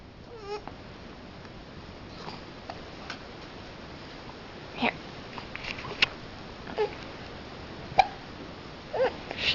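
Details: Infant girl, about three and a half months old, with hiccups while dogs come in: brief soft catches at irregular intervals, about 30 a minute, over room noise.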